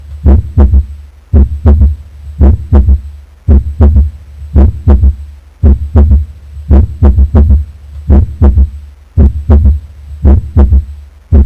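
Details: Normal second heart sound heard on auscultation of the back: regular paired heart sounds at about 55 a minute.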